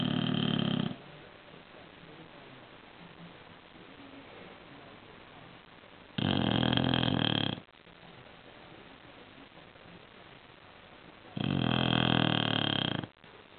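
Loud, rough snores on breathing in, about every six seconds, roughly ten breaths a minute, with quiet exhalations between.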